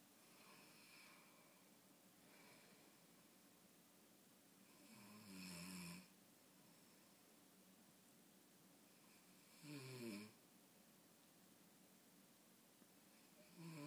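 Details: Man who reportedly can't stay awake after 12, asleep: loud, rattling snores about every four to five seconds, separated by quiet breathing; heavy snoring.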